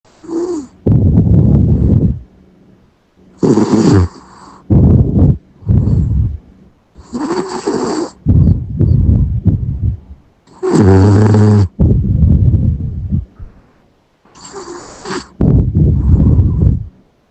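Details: Yorkshire terrier sleeping: loud, irregular snorting and wheezy snores in quick, uneven bursts; snoring.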